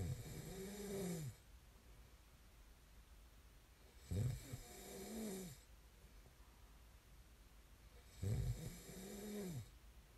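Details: Loud, low rattling snores on each breath in, about 14 breaths a minute, with quiet breathing out between; ordinary snoring recorded as snoring ASMR.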